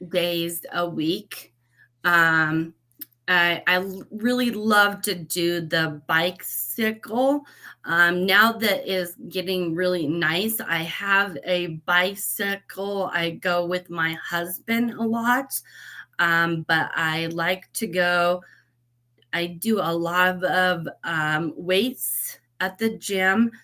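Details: Aphasia after a stroke at age 38 in a woman; when first met she was barely understandable.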